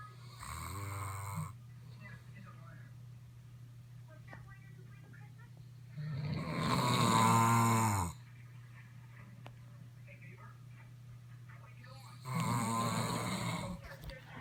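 Three loud, rattling snores on the in-breath, a few seconds apart, with a steady low hum in the room between them.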